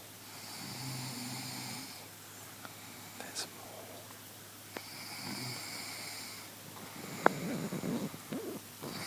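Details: Two long, rattling snores about four seconds apart, with quiet breathing and small room noises between; ordinary snoring.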